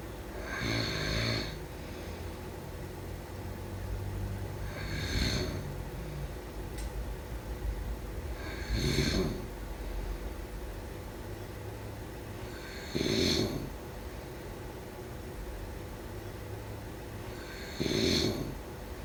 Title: Snoring sounds…